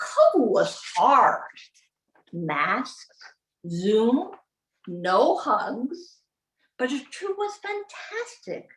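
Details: Adult woman with aphasia after a 2011 gunshot wound to the head, delivering the closing lines of a practised, memorised speech; aphasia.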